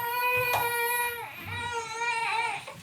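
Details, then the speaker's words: Newborn baby crying steadily in high-pitched wails with brief catches, after cold and flu symptoms, high temperature unrelieved by Nurofen, laboured breathing with subcostal recession; doctor concerned about breathing: infant crying. "so i gave him um neurofeed it didn't work and he just kept crying"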